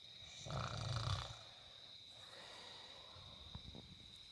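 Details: Single low, rough snore on inspiration over a steady high-pitched room hum, recorded in summer 2014; snoring.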